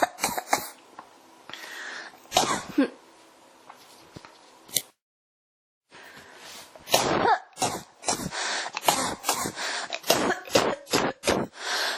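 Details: Cough that won't stop: repeated harsh cough bursts in clusters, more than a dozen, with a brief pause midway; persistent coughing.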